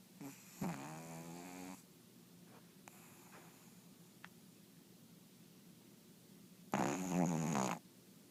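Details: Sleeping pug snoring very loudly; two loud, buzzing, vibrating snores separated by quiet pauses, typical of a flat-faced dog.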